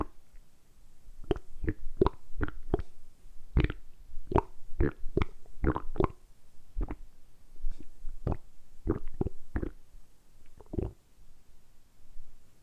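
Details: Repeated short gurgling pops and rumbles, roughly twenty in a row, recorded close up; deliberately produced stomach rumbling for about ten minutes, normal bowel sounds; borborygmi.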